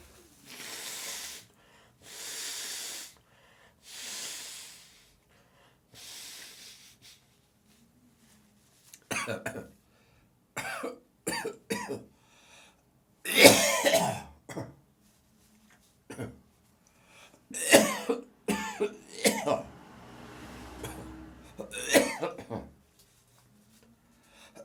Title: Morning Coughing, Gagging, Spitting and Nose Blowing